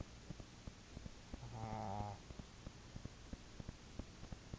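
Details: Dog snoring: one low, droning, buzzy breath over steady faint background ticking while the dog sleeps.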